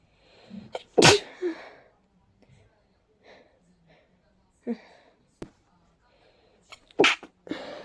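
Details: Person with a cold and a stuffy, sensitive nose: several sharp, explosive sneezes, some preceded by short catching inhalations, with quiet gaps between, building toward a rapid sneezing fit.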